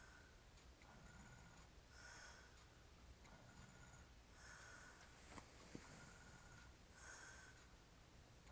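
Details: Soft rhythmic noisy breaths about every 2.5 seconds, roughly 24 a minute, over steady room hiss, from a sleeping hairy-chested man described as drunk; snoring.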